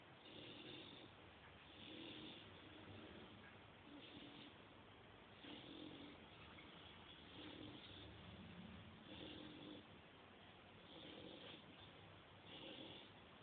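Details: Steady, regular rasping snores from a sleeping English Bulldog, about one breath every two seconds, against low background hiss; typical flat-faced dog snoring.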